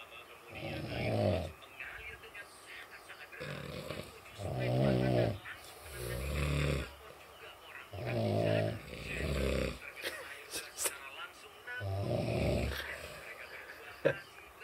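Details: A sleeper snoring loudly with rough, rattling snores on each in-breath, about five in fifteen seconds, and quieter breathing between; snoring.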